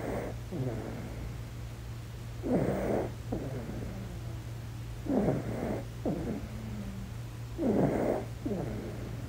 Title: ASMR Baby Deep Sleep - Snoring #asmr #cutebaby #sleep #babysleep